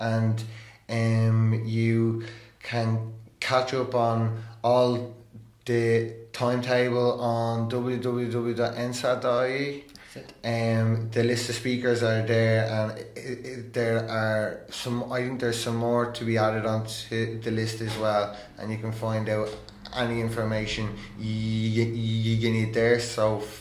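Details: Stuttering in an adult male who stammers and has attended stammering therapy.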